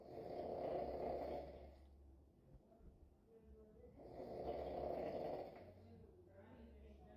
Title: Snoring is the ringtone in this house